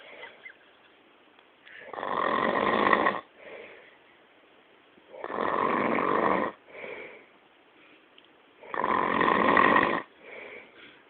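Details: Loud snoring: harsh, rattling inward breaths, each followed by a softer outward breath, three cycles in eleven seconds, about 16 a minute.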